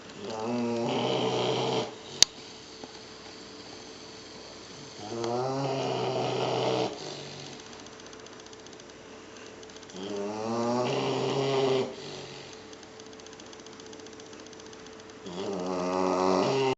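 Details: Rescued puppy with severe demodex mange napping in a crate, snoring very loudly: slow, regular buzzing snores about 12 a minute, each lasting a second or two, with a faint steady room hum.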